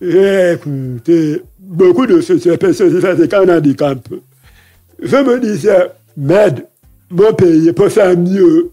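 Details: Deaf speech with altered voice in French from a man who lip-reads. His deafness began after a childhood illness, and he says his voice has not been normal since a childhood throat operation in paediatrics in Libreville.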